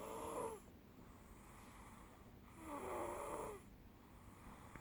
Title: Journey with Us: Proof of Snore